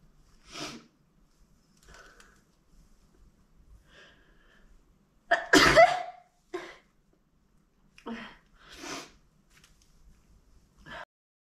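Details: Sneezes through a face mask: a series of muffled sneezes, one much louder and fuller than the rest.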